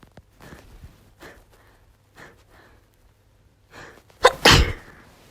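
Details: Female with a cold (sniffly, losing voice, cough) since two days earlier: a few soft breathy intakes build up, then one loud explosive sneeze.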